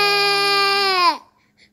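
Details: A 7-month-old baby who cries whenever put down, crying for mom: a single sustained infant wail, steady in pitch, then falling away as the breath runs out.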